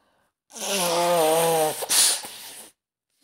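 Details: Acted scenario of a girl with a bad cold sneezing behind the listener on a train: one sneeze with a drawn-out voiced intake, a sharp explosive burst and a trailing hiss.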